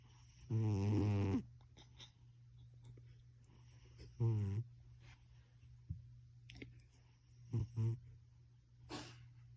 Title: Cat snoring really loud -LOL